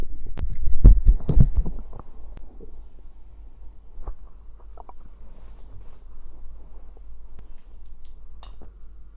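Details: Stomach after drinking cider (fizzy drink), ASMR recording: low gurgling rumble early, then faint bubbling and quiet rumbling; ordinary stomach growling (borborygmi).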